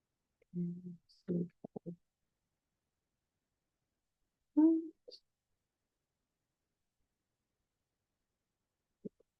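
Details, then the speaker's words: Dog asleep behind the person, quiet low buzzing snores roughly every four seconds in a quiet room with faint clicks. "but you can hear any snoring that's a nushka the dog sitting behind me snoring"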